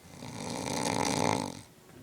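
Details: Roommate asleep at a beach house: one long, loud, rattling snore on the in-breath that swells and then fades; snoring.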